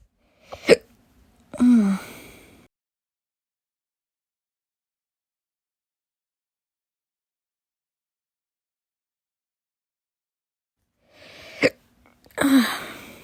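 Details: Two pairs of brief, sharp catches, each followed by a short voiced release, spaced about ten seconds apart, after meals; slow hiccups.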